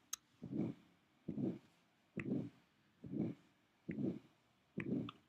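Regular long whooshing sounds, about 65 a minute, heard over the neck of a dog: an aortic murmur carried up to the carotid area.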